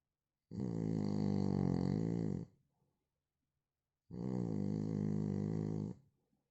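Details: Adult man snoring: two long, loud, low rumbling snores about two seconds each, separated by silence; heavy snoring.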